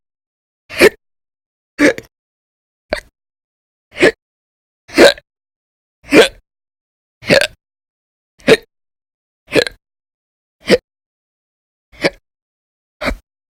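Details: Audio-only recording of violent, very loud persistent hiccups, in daily bouts lasting about 10–13 hours in December 2019: twelve sharp abrupt hiccups about one second apart, roughly 52 a minute.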